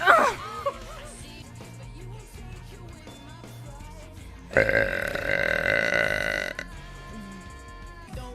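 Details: A woman's deliberate burp: one long, loud, voiced belch lasting about two seconds, with background music and a man talking.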